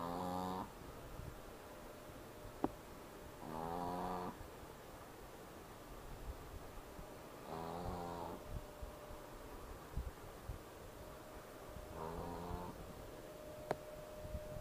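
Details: Jazzy snoring while wearing a cast: four tonal, buzzing snores about every four seconds, roughly 16 breaths a minute, over steady background hiss with a couple of faint clicks.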